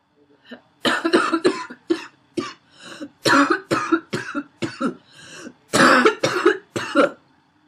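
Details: Adult woman coughs in harsh, barking bursts with a wheezy, tight edge, in repeated clusters; wheezy barking cough.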